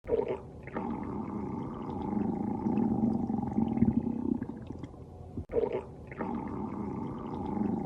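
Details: Woman's stomach growling while she sleeps: long, low, groaning gurgles lasting several seconds, broken by a brief gap; borborygmi.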